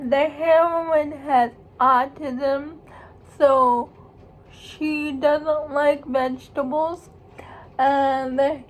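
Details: Speech of a young woman who states she has cerebral palsy; dysarthric speech (cerebral palsy).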